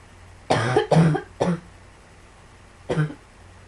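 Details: Cough: four harsh coughs from an adult, three in a quick run, then one more after a pause.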